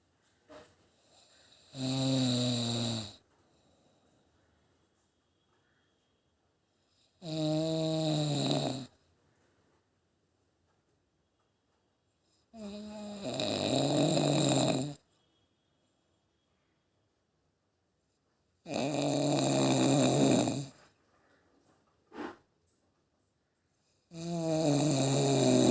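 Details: Loud, rattling snores recur about 11 times a minute with quiet pauses between breaths: snoring.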